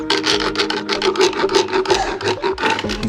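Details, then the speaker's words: Mare undergoing routine dental floating with a coarse hand file pressed down firmly to shave sharp edges off her teeth: rapid, rough rasping strokes at nearly three per second. "the next stage of Follies treatment is a procedure called floating down with pressure with this hand on the handle using a coarse file Scott will shave down any sharp edges on Polly's teeth"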